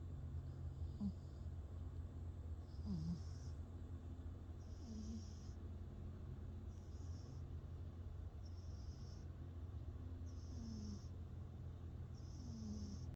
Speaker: This cat is straight up snoring.